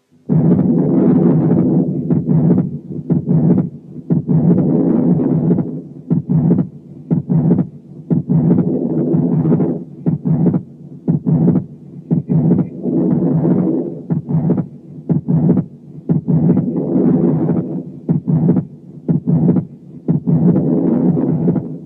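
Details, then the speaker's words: Wide fixed splitting of the second heart sound in atrial septal defect: S2 split equally in inspiration and expiration, with respiratory noise audible as a distraction; listen to S2 only. "هنسمع حالة تانية اتريال سيبتال ديفكت برضو بس فيها صوت الريسبيريشن اصعب شوية لان فيها مامز، لكن انتوا ما تنتبهوش الا للسكند ساوند بس، وشوفوا السبليتنج بتاعه during inspiration و during expiration."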